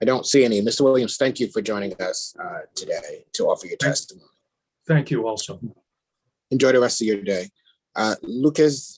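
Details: Adult male speaker; Normal speech.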